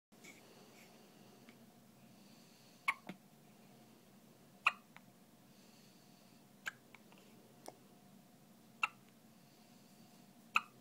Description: Poor baby has the cutest hiccups